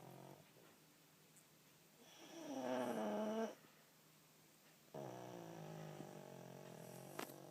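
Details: Pug sleeping after a long walk: two slow, drawn-out rattling, whistly snoring breaths in a quiet room.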